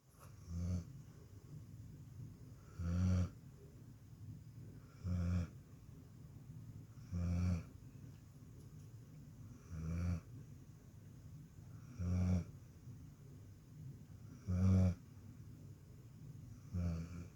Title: Andy the Dog Snoring